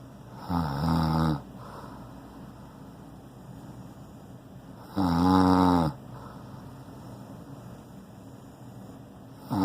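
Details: Man snoring loudly again during sleep: two loud, buzzing, vibrating snores several seconds apart in a quiet room.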